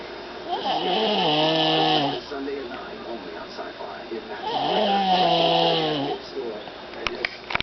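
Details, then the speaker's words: Little girl snoring loudly in sleep: two long, loud, vibrating snores on the in-breath, about four seconds apart; heavy snoring. "She's almost as loud as her daddy."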